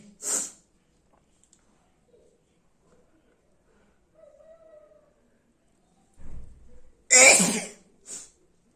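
A short sharp burst, then a sniff and a strong sneeze with a small follow-up burst; ordinary sneezing.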